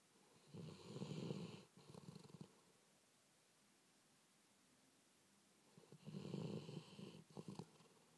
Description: Oct 2010 / Happy sleeps most of the time and snores!! :p